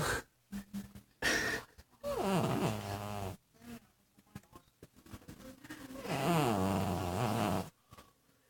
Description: This is a cat snoring